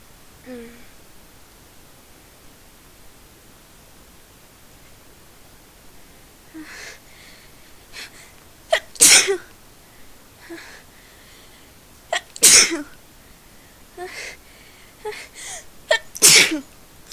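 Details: Repeated sneezing, part of a run of about thirty sneezes in a row: several sharp, explosive sneezes, each after a brief inward breath, at irregular intervals over about ten seconds in a quiet room.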